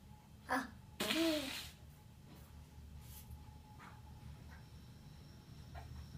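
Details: A child takes a quick breath in, then gives one sharp, voiced sneeze in a quiet room.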